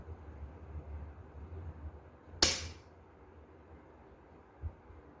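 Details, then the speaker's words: A single sharp loud pop with brief hiss as a needle-free pressurized intradermotherapy pen fires a three-unit shot into ballistic gelatin, reaching greater depth than one or two units; then quiet room noise. "pressurizei vou andar três pontinhos completo Ó um dois três pontinhos três unidades para você visualizar a profundidade que ele vai colocar aqui do lado para fazer a aplicação"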